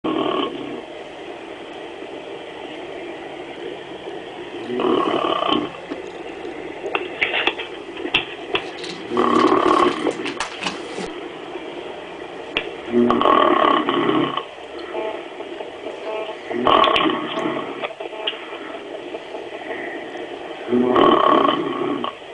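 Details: Two people having a snoring contest, possibly exaggerated, while another tries to sleep: loud, rough, rattling snores recurring every few seconds against steady background noise; snoring.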